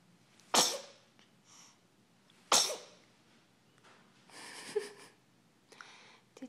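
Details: Two sharp, explosive sneezes from a child a couple of seconds apart, followed by quiet sounds; an ordinary sneeze.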